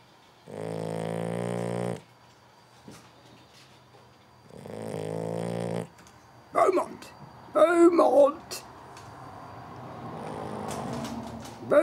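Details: Two long, loud, buzzing snores, then snorts and shuffling, from a 13-week-old Boxer puppy asleep after exercise; short-nosed puppy snoring.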